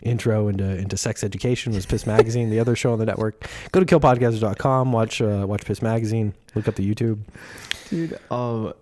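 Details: Adult male speaker; normal speech.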